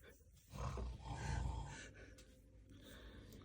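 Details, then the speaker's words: Loud, rough, low rumbling snoring from a person asleep, with faint room noise; the listener nearby complains he cannot sleep because of it; snoring. "O'rgatinglar shu xurrani yo'qotishdi. Shu statiya bo'lganda, mana shu hurrakka statiya bo'lganda qamatib yuborardim 15 yilga. Xurrakka statiya ham yo'q."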